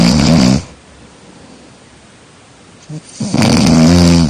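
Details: Loud, low, rattling snores on breathing in, separated by quiet pauses; snoring.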